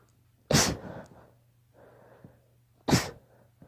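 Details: A young daughter gives two sharp, explosive allergy sneezes about two and a half seconds apart, with a quiet in-breath between them. Repeated sneezing.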